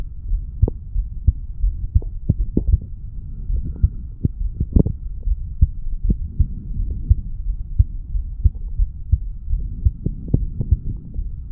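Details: Heartbeat of a 35-year-old male after weight training, self-recorded over the mitral valve area: fast, regular, sharp thumps at roughly 110 beats a minute over a low hum.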